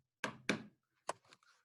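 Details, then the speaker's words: Percussion demonstration contrasting a dull note with a stony dull note, the note expected over a pleural effusion. "Now I'm going to show you what is a stony dull noise. Now listen. ठीक है? This is dull. This is stony"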